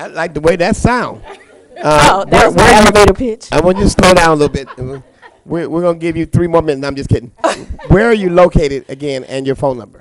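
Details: Adult male speaker in a meeting room; ordinary speech.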